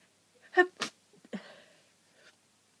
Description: Some snotty honking blows as requested and some more sneezes as I'm still sick. Achoo achoo all day!